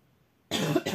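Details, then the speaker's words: Adult with a severe cough, with rattling in the chest and low fever up to 37; one loud, harsh, wet cough burst with phlegm after a quiet moment; productive cough, often lasting hours. "я полежу сейчас он и начнет отходить мокроты я сейчас буду на на минут 30-40 беспрерывно кашлять"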